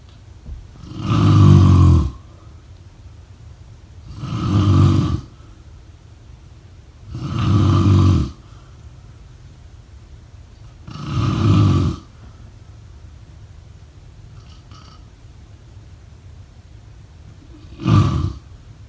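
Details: Loud, low, rattling snores recurring on each inhalation, about five across the stretch, in a quiet room; snoring.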